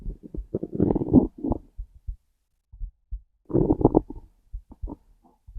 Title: Hungry stomach growls + heartbeat